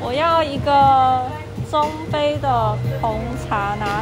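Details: 25-year-old male who stutters, sometimes speaking more slowly; stuttering with prolongations.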